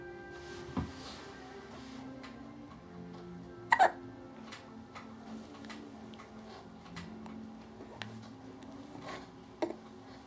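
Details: 40-day-old infant with hiccups during tummy time: brief, sharp hiccup bursts, about three in ten seconds, over soft background music; infant hiccups.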